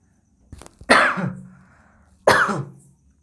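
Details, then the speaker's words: A teacher's cough during a class 12 mathematics lesson. "Sorry खांसी आ गई lead लगा के ना सुनिए नहीं तो काफी तेज आवाज जाएगी"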